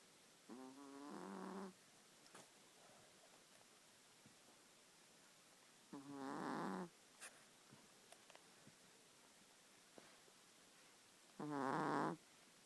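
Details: A small animal snoring softly: three short, buzzing snores about five seconds apart, roughly eleven breaths a minute, with quiet between; snoring.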